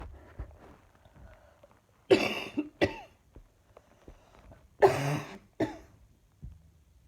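Two loud, harsh coughs, each followed by a shorter one, with quiet breathing and small noises between them in a small room.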